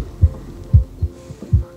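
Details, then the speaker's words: Regular low thumping heartbeats at roughly 75 a minute from a patient, through a low-cost 3D-printed digital stethoscope streaming live via phone app to earbuds. "This app will live stream this stethoscope heart sound back to your air pods."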